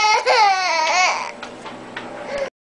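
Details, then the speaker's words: Young boy crying while being comforted: a wail rising and falling in pitch, then quieter sobbing breaths; an ordinary cry. "why does that make you cry oh who is so sad"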